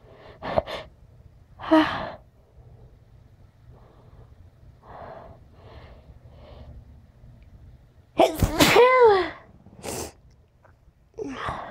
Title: sniffles and sneezes